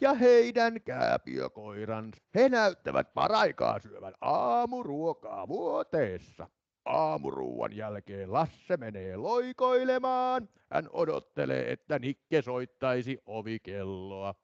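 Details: Adult male with adductor spasmodic dysphonia, case presented in a myoneurectomy talk; moments of strained, pressed voice that improves markedly with singing-like intonation; adductor spasmodic dysphonia.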